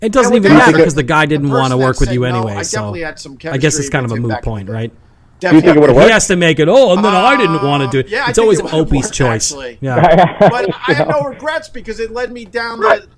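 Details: Adult speech, conversational; no disorder.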